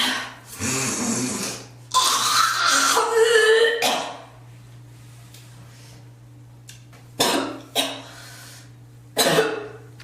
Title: girl coughing and spitting ❣️